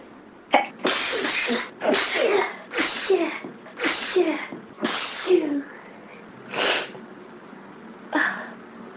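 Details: Rapid run of about seven forceful sneezes, each a sharp hissing burst with a voiced catch, on a day of severe hay fever; repeated sneezing.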